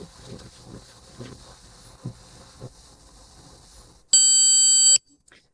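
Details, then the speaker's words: ThermoGlide thermocoagulator for cervical precancer, demonstrated with the nipple tip probe on chicken tissue: soft repeated clicks during the roughly 20-second treatment, then one long steady high beep marking treatment completion. "That longer beep tells you the treatment is completed."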